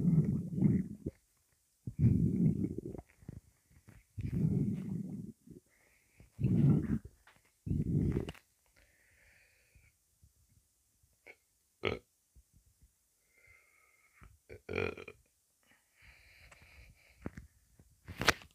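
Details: Low, irregular rumbling gurgles in bursts with faint squeaks and quiet gaps; stomach rumbling after drinking a Rockstar energy drink.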